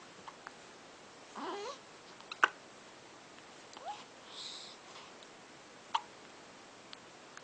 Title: boo boo with the hiccups